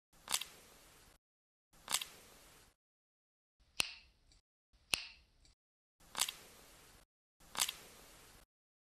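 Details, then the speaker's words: Knee crepitus in osteoarthritis: six gritty, rasping crunches about a second apart, the typical crunching of worn cartilage with bones bumping together, which comes with pain. It is unlike the harmless pressure-change sound of knee movement. "But the problem is the second sound. This crunching sound is typical of knee arthritis patients. It's a sound that comes out because the cartilage is worn out and the bones bump into each other."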